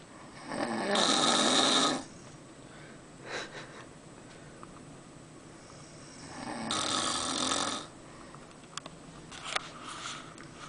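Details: Father asleep on a cruise: two loud, harsh, rasping snores about six seconds apart with quiet breathing between; loud habitual snoring.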